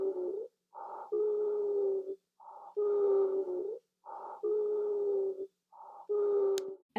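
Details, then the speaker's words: Respiratory assessment teaching example: repeated breath cycles with a continuous, whistly, almost musical tone, more prominent on the longer exhalations, as heard in asthma: expiratory wheeze. "wheezes on the other hand are more continuous sound most of you have heard someone with asthma having wheezes they're like a whistly sometimes shrill almost musical sound that's continuous wheezes tend to be more prominent on exhalation than inhalation"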